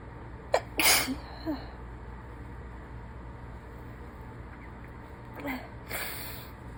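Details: Person who is sick sneezing messily into a paper towel: two forceful sneezes about five seconds apart, each preceded by a short in-breath, in a quiet room; sneezing.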